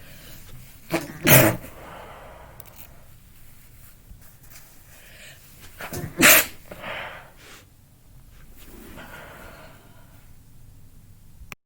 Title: Louder Sneezing fit